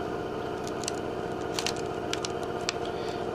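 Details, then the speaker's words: Ventilator circuit self-test on an HT70 Plus ventilator, step 2 with the circuit opened (blue cap removed) after pressing accept: steady machine hum with faint clicks and hisses as the ventilator cycles through the test. "Then hit accept. And you will hear the vent cycle through the test."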